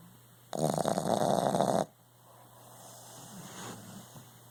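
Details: Sleeping puppy, described as a heavy sleeper, snoring: a rattling, vibrating snore on the in-breath followed by a softer breath out.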